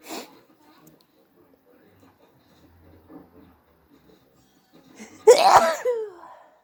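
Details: A sharp sneeze, quiet sniffing, then a loud voiced sneeze with a trailing cry-like release, with nose blowing. Some sneezes are induced and some are not, with an itchy nose from hay fever or a cold.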